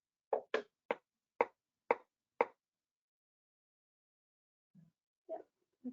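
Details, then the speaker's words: Facial repetitive nerve stimulation demonstration on a Cadwell Sierra Summit EMG machine, post-exercise set; six evenly spaced sharp clicks about two per second; facial muscle can't be stabilized, movement possible; nerve stimulator shocks. "so it's it is a bit more uncomfortable um for patients and uh I think there are a couple pitfalls with respect to the facial one again is you can't stabilize the muscle so there could be movement especially if the patient contracts during the shocks"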